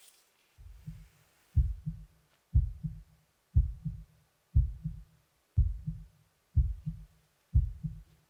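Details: Steady, regular real heartbeat at about 61 beats a minute, each beat a soft paired lub-dub thump, heard by stethoscope in an ASMR check-up after slow breathing; pulse judged normal.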